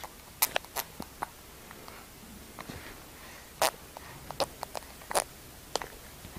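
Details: Several short, sharp catching bursts at irregular intervals in a quiet room: hiccups.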